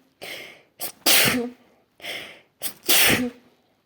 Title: sneezing face fit